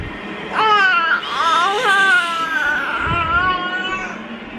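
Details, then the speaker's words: 4-month-old boy crying during modified cry-it-out sleep training, still crying after a 5-minute interval: sustained rising and falling tonal wail in a small quiet room. "All right, so it's 12:16. He is still crying, so it is time to go back up there."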